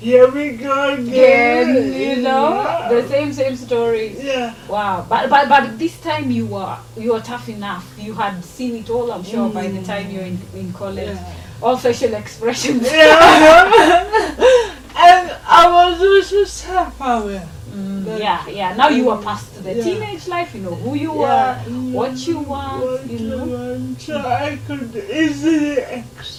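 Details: Adult woman in conversation with another speaker; conversational speech.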